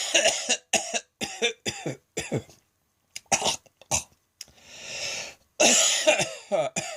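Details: Midday coughing fit recorded on a phone after a felt throat tickle, leaving the person light-headed: repeated harsh coughs in rapid clusters with a breathy inhalation between bursts.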